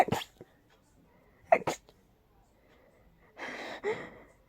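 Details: Person with very high pollen and dust sensitivity, without allergy medication: three sharp sneezes in quick succession then a long noisy exhale; rapid repeated allergic sneezing.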